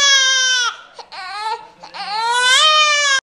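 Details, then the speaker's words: A cranky baby girl, already fed and changed, gives loud, high-pitched wails in two long bursts with a short whimpering break; ordinary vigorous infant crying. "what her crying baby's cry what are you crying about what you crying for"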